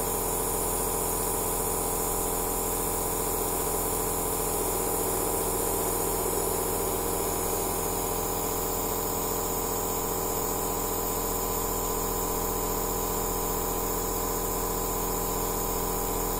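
Steady mechanical hum with a faint rapid pulsing and hiss, the continuous running sound of a nebulizer machine.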